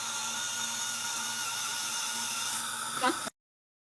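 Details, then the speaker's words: Slow-speed dental handpiece during coronal polishing of a patient's lingual tooth surfaces, in dental assistant training: steady high whir with faint room noise, light intermittent 1–3 second swipes per tooth. "I start the machine and it's the same light intermittent swipe to cover the tooth. I'm not staying on the tooth more than one to 3 seconds."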